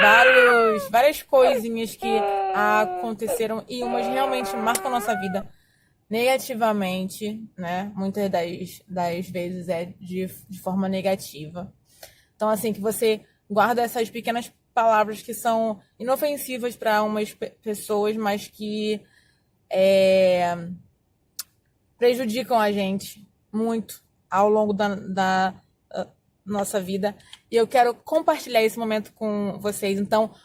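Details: Adult woman who has stuttered for more than 20 years, speaking Portuguese; stuttering.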